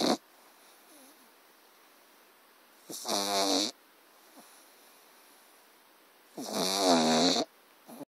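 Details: Pug puppy snoring loudly while asleep: two loud, rattling, vibrating inward snores about three and a half seconds apart, separated by quiet breathing.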